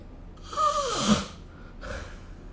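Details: Snoring during sleep, recorded with the SnoreLab phone app: one loud, harsh, fluttering inhalation with a snort, then a softer follow-up breath.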